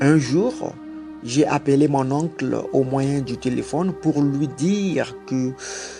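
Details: Adult French-speaking man who has stuttered since childhood, had several months of therapy as an adult, and still stutters occasionally; stuttering.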